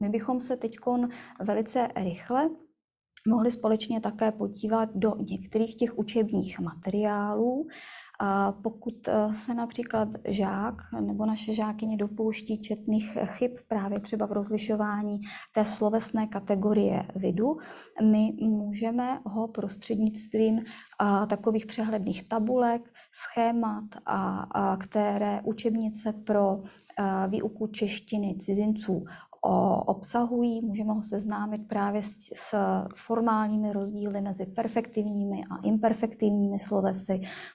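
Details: Adult woman speaking Czech; normal speech.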